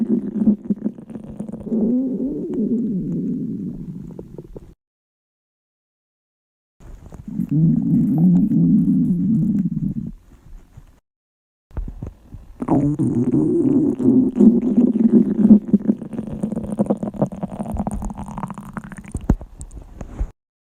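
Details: Girls' stomachs growling loudly at the limit of hunger; three long, loud, low rumbling and gurgling stretches of stomach growling (borborygmi).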